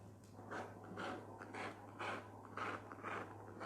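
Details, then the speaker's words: The unborn baby of the person presenting, heard on fetal Doppler: rapid, rhythmic whooshing pulses of about two a second; fetal heartbeat. "여러분 이런 소리예요. 네, 애기 심장 소리입니다."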